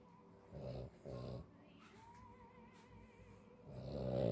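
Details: Cavalier King Charles spaniel, tired and trying to sleep: two short, rough, low snoring breaths, a quieter stretch, then a third rising snore.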